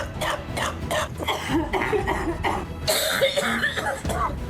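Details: A persistent cough that will not go away, from a Turkish news report: about eight short, dry-sounding cough bursts in quick succession over soft background music.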